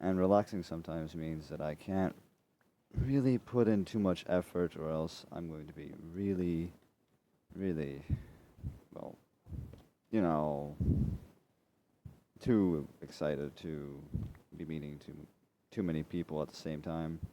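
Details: Male speaker who says he is dyslexic and slightly autistic and keeps stuttering over his own words, often repeating himself: stuttering.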